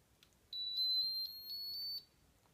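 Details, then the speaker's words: A high-pitched electronic warble with a steady tone lasting about 1.5 seconds as an 11-year-old brain cancer survivor switches on the Kangaroo Joey pump for G-tube feeding: the normal start-up tone of the feeding pump. "so now we're going to turn on the joey pump it makes a really funny noise actually"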